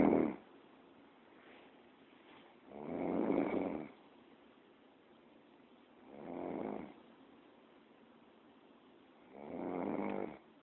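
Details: Snoring: slow, regular rattling snores on each breath, about four in ten seconds, in a quiet room.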